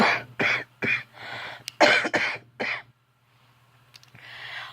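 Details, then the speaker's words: Person with scleroderma lung fibrosis, wheezing and coughing at night after inhaling acrylic nail dust while e-filing without a mask: a run of about six harsh, throaty coughs in quick succession, then quiet. "I think I swallowed some of that gross stuff too but them so I'm wheezing oh honey um I'm wheezing and I'm coughing and I"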